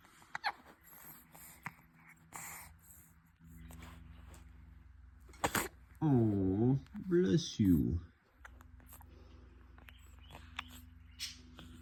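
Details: Newborn baby who also has hiccups: one brief, sharp sneeze in a quiet room, followed by a few short infant whimpers; newborn sneeze.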